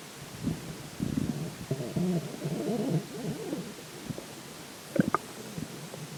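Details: Stomach after drinking water: low bubbling, squeaky and creaking gurgles over several seconds; bowel sounds (borborygmi), growling stomach.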